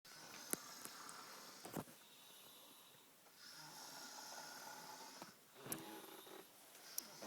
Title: Girl snoring